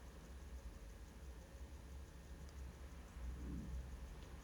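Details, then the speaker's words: Severe, complex ear wax removal by microsuction under endoscope view: continuous low rushing suction with slight fluctuations as wax is drawn from the ear canal. Suction is far more effective in this ear, with sticky skin adhesion on the canal wall. "You see suction's far more effective in this ear than it was in there right here."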